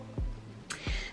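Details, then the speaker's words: Stomach rumbling in an adult, who notices and mentions it: two short, low gurgling groans sliding downward in pitch, with a brief hiss between them; ordinary borborygmi. "another thing, that was my tummy rumbling in fact, did you hear that?"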